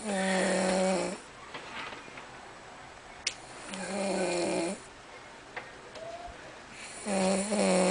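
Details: Loud, buzzy, low-pitched snores in about 2–3 long inhaled bursts with quiet gaps between them; typical snoring.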